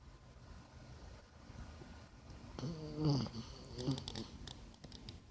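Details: Sleeping pet snoring: quiet, low rumbling breathing with a louder, rattly, tonal snore partway through.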